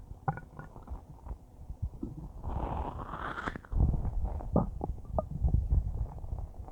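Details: Normal bowel sounds: adult stomach churning and gurgling about a minute after eating a huge bowl of spaghetti.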